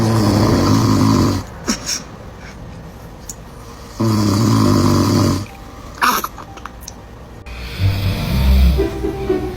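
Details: Snoring that a child reacts to: two long, loud, low rumbling snores about four seconds apart, with quieter pauses and background music.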